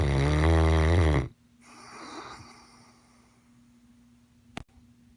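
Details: Sleeping mastiff; one deep, loud, rumbling snore followed by a soft exhaled breath, then quiet; snoring in a large dog.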